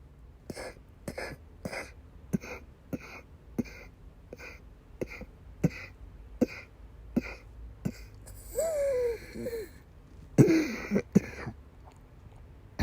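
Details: Female patient with persistent asthma attacks and migraine-cluster headache complex, coughing and vomiting: about fifteen short, harsh coughs in a steady run, then a strained retching gasp and more forceful coughs.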